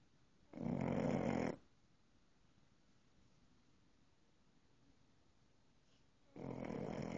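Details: Snoring: two rough, buzzing snores separated by a long quiet pause, in a small room.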